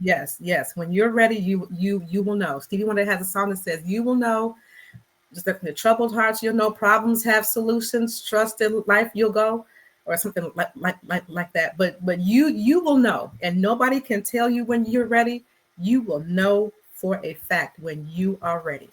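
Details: Stuttering in an adult woman who has accepted and embraced her stuttering.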